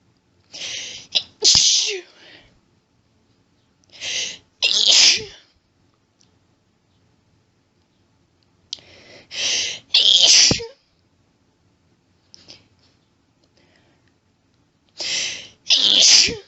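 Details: Female allergic sneezing fit: repeated sharp sneezes in rapid groups, mostly pairs, each preceded by hitching intake and buildup; sneezing fit.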